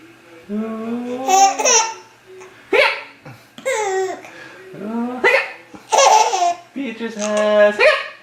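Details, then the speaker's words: An infant girl laughing and cooing, broken by brief, abrupt hiccup catches; a baby hiccuping during laughter while an adult talks to her. "Oh. Beatrice has what? Hiccups! Oh, you're so fast. Oh, hiccup!"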